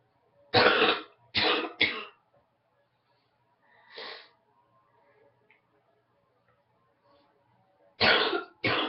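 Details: Morning cough from a person who woke up congested with a head cold: three loose, congested coughs, a softer throat sound, then two more coughs.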